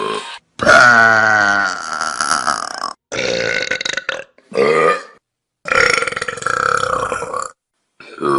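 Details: Compilation of long, loud, deliberate belches from Vine clips, each a rumbling voiced burst cut one after another: burping.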